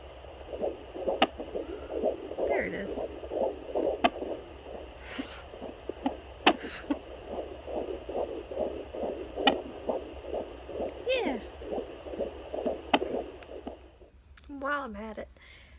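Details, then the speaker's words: Fast, regular whooshing fetal heartbeat on a home Doppler, with sharp jolting thumps every few seconds from fetal hiccups; baby boy, head down above the pubic bone, chest where heartbeat and hiccups are heard. "so I almost said his name so little boy has hiccups right now and I just turned on the Doppler that's so funny"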